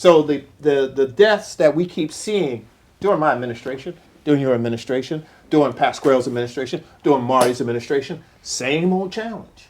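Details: Adult man speaking; normal voice.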